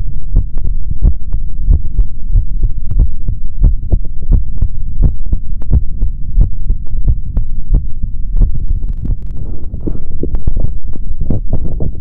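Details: Male body sounds recorded through a stethoscope for ASMR, no talking: strong, steady heartbeats with soft rustling from the chest piece; heartbeat.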